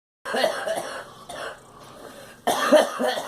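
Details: A girl gives a short run of harsh, open coughs in about three bursts separated by brief pauses: an ordinary cough.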